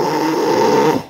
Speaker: 목구멍이 꾹 눌리는 소리 그런 소리가 나는 경우라면 구강 장치를 쓰게 됩니다